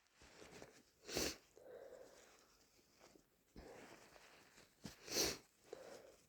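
Two sharp sneezes about four seconds apart, with sniffing and breathy nasal sounds between them over steady room noise, fitting a head cold.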